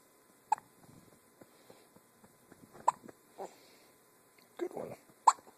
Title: Hiccups!